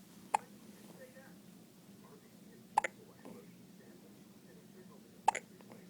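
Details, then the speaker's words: Hiccups in a baby on day 1: three sharp, brief hiccup clicks about 2.5 seconds apart, roughly 24 a minute, over quiet room noise; they seemed to stop, then returned. "Poor baby. Oh, did they go away? Oops. Spoke too soon."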